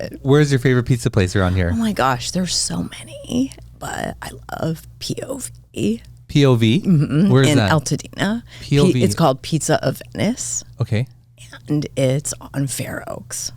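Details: Adult woman diagnosed this year with spasmodic dysphonia, vocal cord spasms, attributed partly to voice overuse and stress; voice cuts in and out, sometimes hoarse, apparently occurring during this interview.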